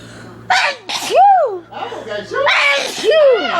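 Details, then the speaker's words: Adult woman sneezing twice, each a sharp noisy burst followed by a loud voiced cry, while waiting for a cab; sneeze. "Yeah, that's how we sneeze in the Bronx, even though I'm in Memphis."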